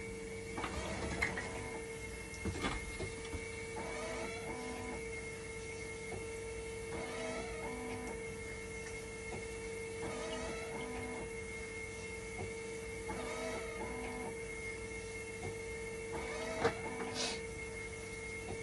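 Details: Steady hum with a pump-like whir about every three seconds and occasional clicks: a hemodialysis machine run in dialysis mode during a repair test for a recurring 5-volt level detector failure.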